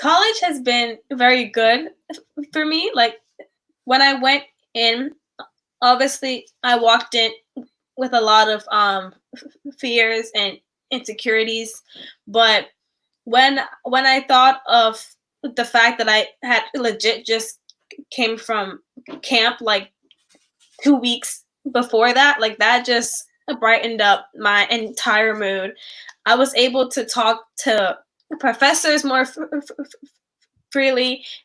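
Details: Stuttering in a young female college student, heard during a poem performance.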